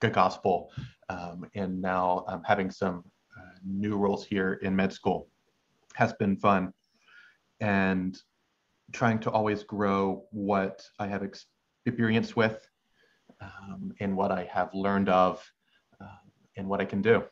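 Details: Stuttering in a male final-year medical student who has stuttered since age six, with uncontrollable blocks and pauses; oral presentations take him about 25% longer than others.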